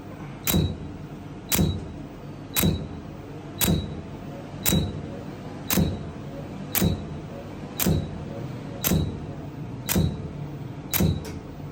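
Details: Laser hair removal treatment: regular thudding pulses with a brief high beep, about one a second, over steady machine hum; normal device operation.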